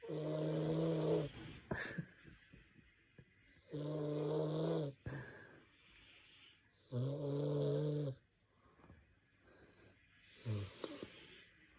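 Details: Person deep in sleep snoring loudly: rattling snores with quieter exhalations between them, about 18 breaths a minute; snoring.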